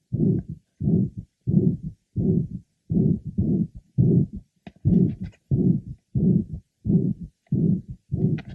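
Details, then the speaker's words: Man with mitral valve prolapse for 18 years, now a ruptured chorda tendinea after infective endocarditis 3 years ago, awaiting mitral surgery: regular heartbeat near 87 a minute with blowing holosystolic murmur at the apex. "he now has a holos systolic merma due to a ruptured cor tendeni which was the result of infective intis he had three years ago"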